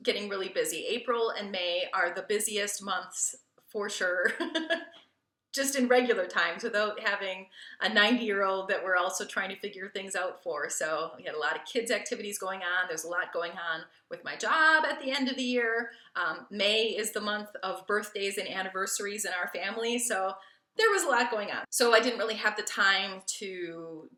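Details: Adult woman speaking; Normal fluent speech.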